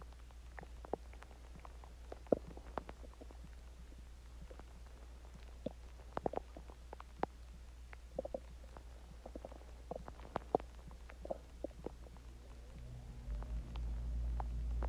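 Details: Scattered soft gurgles and pops over quiet background; stomach growling (borborygmi) after eating Chinese food and drinking water.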